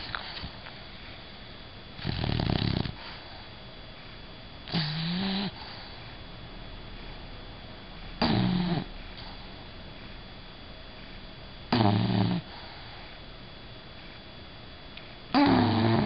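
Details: Loud, rough snores every three to four seconds, about 17 a minute, some with a whistling tone, from Bella, a sleeping bulldog: snoring.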